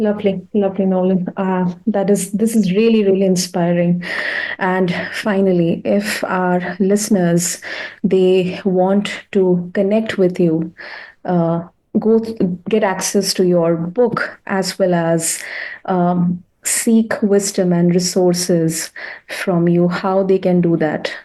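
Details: Adult speaker, interview host; ordinary speech.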